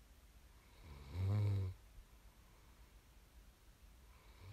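Deep, low, vibrating snore on an in-breath, then quiet breathing and the next snore beginning: snoring during sleep.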